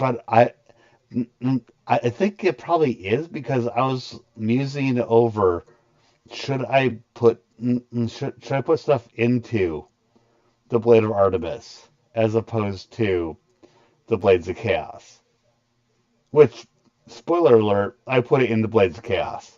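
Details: Stuttering in an adult man who describes a very large stutter he controls to a degree after a lot of voice therapy, though he still stutters.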